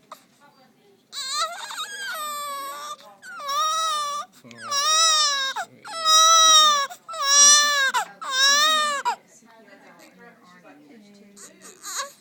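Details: Infant in the NICU on day 3, fussy, breathing better: about five rising and falling wails over several seconds fading to soft fussing; infant cry.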